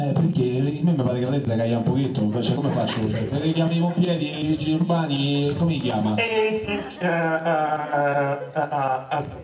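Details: Adult male performer, acted comedy sketch; no speech disorder.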